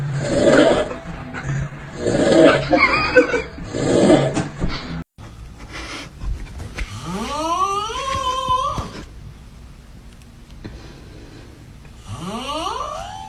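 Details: Loud, weird snoring: three rasping snores in a row, then rising whistling, squealing tones on the breath.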